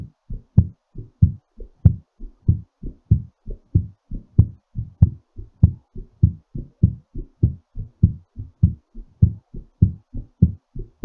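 Strong, quick, regular heartbeat at about 100 beats a minute, a fast rate as the heart recovers after exercise.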